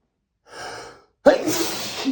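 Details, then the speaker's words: Adult male's desperate, announced sneezing fit: a sharp breath in, then one forceful, explosive, wet sneeze with a trailing rush of air. He says he sneezes this way every day and finds it hard to hold back. "I'm going to sneeze. I have to sneeze. I just I just got to sneeze."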